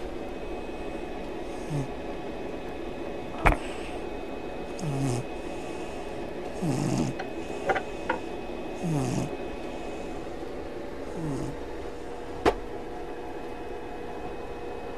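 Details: English Mastiff sleeping with soft, regular snoring on each breath, about six breaths in fifteen seconds, over a steady room hum.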